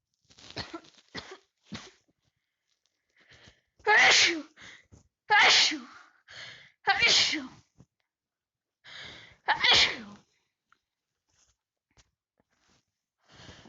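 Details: A run of four forceful sneezes with quick breaths and softer sounds between them, from a person with a big cold; repeated sneezing.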